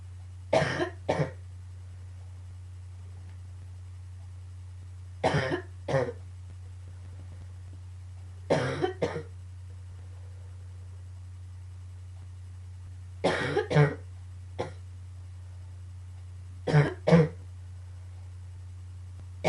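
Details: Coughing fit combined with a bit of allergies: five bursts of two or three sharp, dry coughs, about a dozen in all, over low hum; a few sneezes also mentioned.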